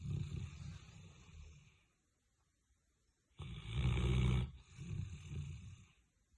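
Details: A dog sleeping in an odd position gives deep, rumbling snores: one breath in and out, a pause, then a louder snore; loud ordinary snoring.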